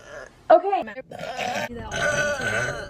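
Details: Deep burps: a deep, voiced, throaty burp followed by a longer rumbling belch, with brief speech around them.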